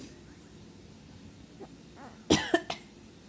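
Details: 4-month-old baby with fever, cough, runny nose and fussiness: soft fussing, then a short burst of three quick coughs against quiet room noise.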